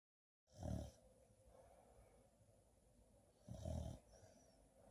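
Two deep, rumbling snores about three seconds apart, with quiet breathing between them.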